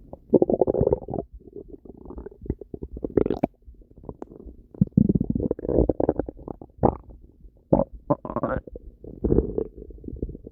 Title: Violent Stomach Noises